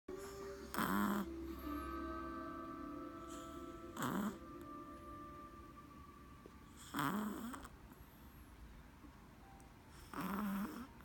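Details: Soft, short snorting snores about every three seconds over quiet room noise from a sleeping small dog; dog snoring.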